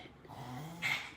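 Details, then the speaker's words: Female dog during a recurring episode the owner calls an asthma attack: noisy, snorting breath with a harsh burst of airway noise as if coughing something up. "dog's having an asthma attack she's all right she does that okay cough it up sister"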